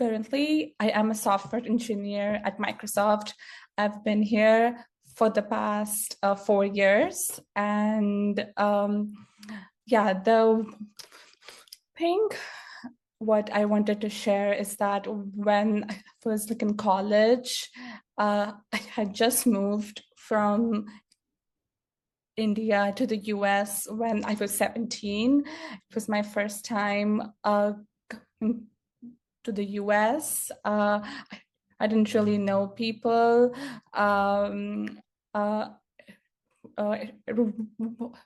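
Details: Stuttering in an adult woman who grew up with a stutter and still stutters; real speaker, not acted; finding: stuttering.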